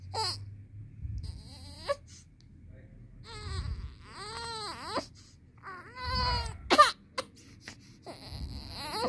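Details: 19-day-old baby crying in short, strained bursts with gasping breaths between; an ordinary newborn cry.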